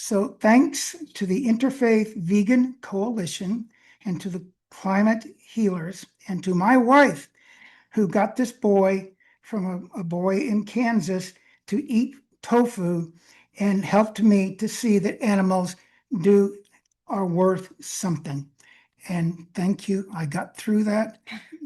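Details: Aphasia in an adult man who reports limited access to words because of it.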